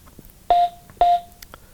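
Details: Two short identical electronic tones half a second apart as a Mediana HeartOn A16 AED defibrillator switches on and runs its self-test; normal startup sound.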